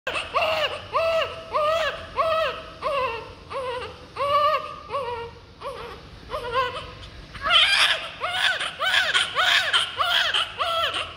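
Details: Newborn baby girl just after birth: repeated rhythmic wailing cries, about 100 cry bursts a minute; normal vigorous newborn cry.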